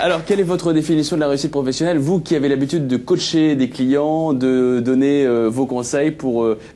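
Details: Adult male speaker; Normal speech.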